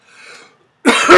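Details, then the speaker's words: Adult's lingering bronchial cough, said to be much improved: a faint breath in, then a loud, harsh cough in two quick bursts, cut off at the end. "You can hear that bronchial now. So it's gotten much better."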